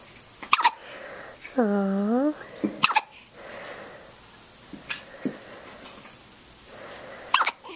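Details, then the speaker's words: Newborn baby girl with hiccups, put down after being held: three sharp, brief hiccup sounds a few seconds apart, with one short whimper between them. "and she's got hiccups you hear that let's put you down okay here you go"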